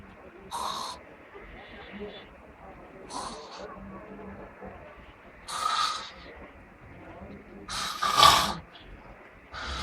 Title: Man snoring so badly